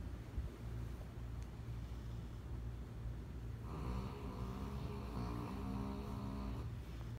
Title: Snoring Harley